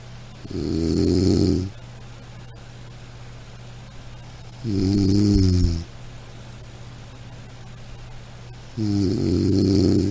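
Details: Three loud, rumbling snores on inhalation, spaced about four seconds apart, over a steady low room hum; snoring.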